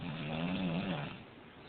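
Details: A single low, rattling snore on a breath, fading into quiet: ordinary sleep snoring.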